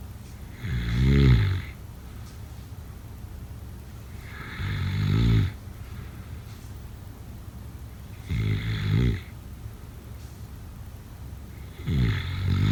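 Low, rattling snores on each in-breath, about 16 a minute, with quiet pauses between them; ordinary sleep snoring.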